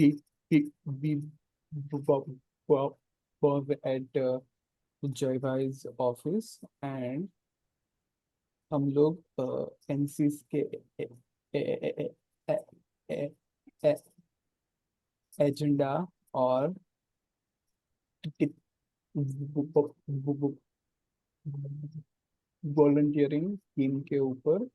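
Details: Man who stammers, in natural speech rather than voluntary stammering, with audible word repetitions; stuttering.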